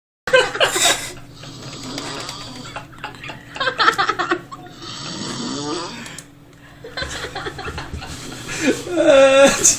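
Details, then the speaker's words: Loud, irregular snorting snores with rough, rattling breathing noise from a sleeping person, who apparently wakes and the snoring stops; laughter and talk in background; snoring. "코 안 꼬라 갑자기 어 소리 안난다 멈췄어"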